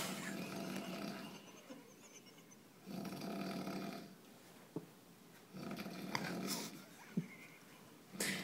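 Rhythmic rasping snores in a quiet room, about three breaths in 8 seconds, with small snorts between them.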